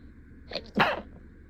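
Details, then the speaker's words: Single sharp sneeze after a short in-breath in a quiet room; deliberately induced sneeze for a comedy skit about denying a cat allergy, performer mildly allergic to cats in real life. "I'm Excuse me yeah I don't I don't know why I'm sneezing it's probably just a a random tickle"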